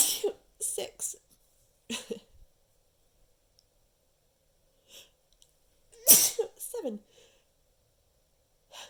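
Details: Person's repeated sharp, hissing sneezes in close succession, more after a pause, counted aloud as a long run past a dozen; sneezing fit.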